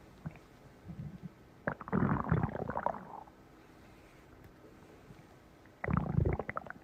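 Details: Close-up recording of a person's stomach: low rumbling, gurgling bursts of several seconds with quiet gaps between; stomach growling (borborygmi).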